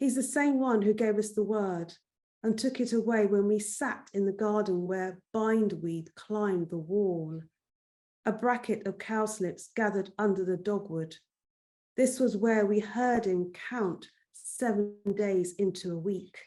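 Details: Adult woman reading aloud; Normal speech.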